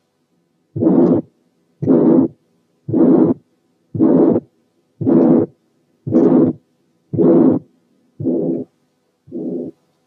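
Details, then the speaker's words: Severe pulmonary stenosis: long, harsh ejection systolic murmur, about 57/min, reaching the second sound and masking its aortic component, with a weak, poorly heard pulmonary component. "نسمع كمان حالة سيفير بالمونري ستينوزس مدية very long ejection systolic murmur واصلة للسكند ساوند ومغطية الايورتيك كومبوننت اوف ذا سكند ساوند بحيث انه مش باين منها، اما البالمونري كومبوننت فهي زي ما قلنا ضعيفة ومش مسموعة كويس."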